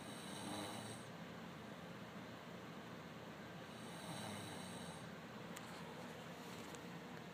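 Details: Faint, soft snoring breaths at a slow rhythm from a sleeping man, partly masked by steady background hiss: snoring.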